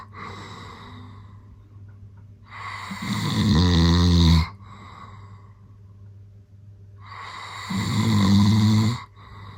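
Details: Loud, rough inspiratory snores recur about every five seconds from a sleeping adult man, the uploader's dad, recorded without his knowledge, with quiet exhalations between: snoring.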